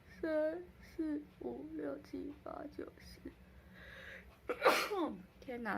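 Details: Short vocal sounds, then a single loud explosive sneeze, a reflex response to a COVID-19 nasal swab test.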